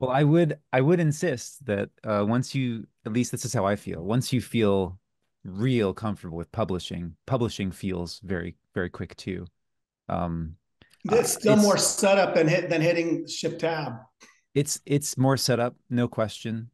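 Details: Adult man speaking, likely over an online call; ordinary conversational speech.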